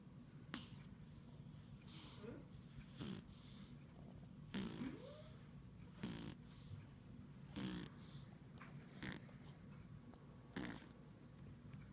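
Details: Repeated noisy snorting breaths during sleep, about 40 a minute and somewhat irregular, over a steady low background hum: snoring.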